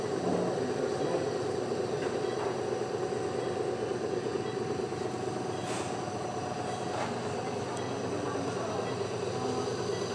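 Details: Baby girl receiving nebulizer treatment in hospital for cough and shortness of breath, asleep without crying after a breathless night: steady loud mechanical hum and rattle of the running nebulizer compressor, with no breathing heard; nebulizer compressor running.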